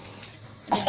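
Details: Child coughing right after finishing a nebulizer steam therapy session for cough: quiet room noise, then one short harsh cough burst at the very end.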